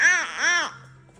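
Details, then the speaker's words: Newborn girl: two brief, whiny 'wah' cries, each rising then falling in pitch, then quiet. Sleepy cry. "eyes, the eyebrows are red, yawning, closing the eyes, trying to sleep, unable to get themselves to sleep, because again, babies can't put themselves to sleep."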